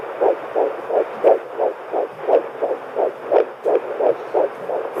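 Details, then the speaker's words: Home Doppler at 9 weeks of pregnancy: rapid, regular whooshing fetal heartbeat about 170 a minute. High, but normal until about 12 weeks, when it settles between 140 and 160. "high, but that's actually totally normal until about 12 weeks when it goes down and settles more between 140 and 160. So it's right where it's supposed to be."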